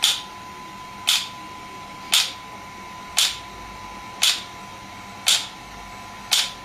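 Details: Shockwave therapy device firing sharp, regular snapping clicks about once a second over a faint steady hum, during a treatment session with gel applied and the treatment site being positioned.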